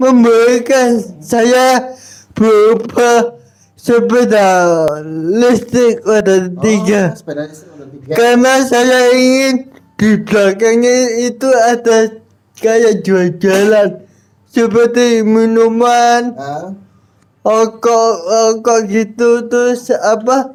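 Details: Dysarthric speech in an adult man with a cerebral palsy disability and intact thinking, speaking Indonesian.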